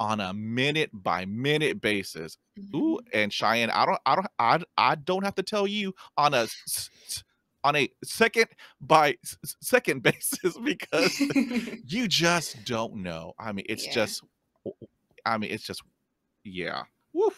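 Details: Real stuttering in an adult man who stutters, heard while hosting a podcast about life with stuttering; stuttering.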